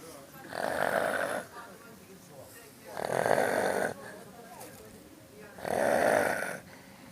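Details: A person who fell asleep in a pool after swimming snores loudly with a buzzing sound roughly every two and a half seconds, breathing softly between snores.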